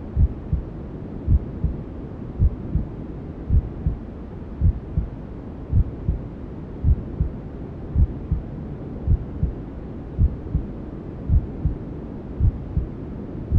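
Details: Newborn-sleep ASMR simulating womb sounds: steady low heartbeat thumps, about 54 a minute, under constant hissing white noise; a mother's heartbeat as heard from the womb.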